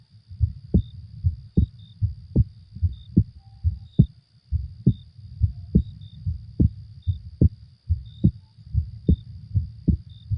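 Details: Steady, regular normal heartbeat at about 73 beats a minute, mixed with an added night-time ambient sound track for sleep.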